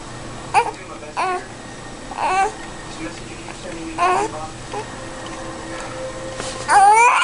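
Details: Baby with hiccups: repeated short infant fussing sounds building into a louder cry at the end; an unsettled baby crying.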